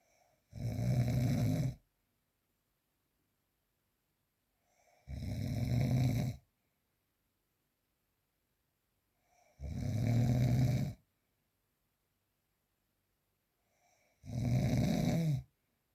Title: The sound of - snoring during sleep